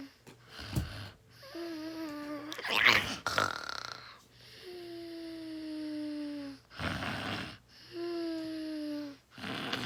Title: snoring is 6 hours